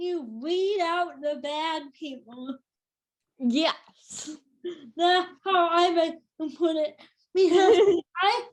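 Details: Adult woman with cerebral palsy since birth, which she says has become tighter with age: dysarthria (cerebral palsy).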